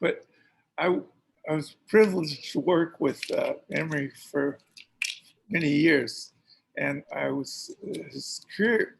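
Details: Man who says he has a speech impediment, with a cause he states that is unintelligible in the transcript; real, unacted speech at a live online event: speech impediment (disfluent speech).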